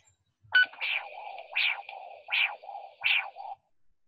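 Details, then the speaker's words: Handheld Doppler arterial signal, biphasic waveform with some degree of hyperemia: a sharp, characteristic whip-like systolic whoosh and a softer second phase, about 80 a minute. "so there's some degree of hyperemia we still got that dudududududu that's right so that characteristic kind of whip sound is what we're after"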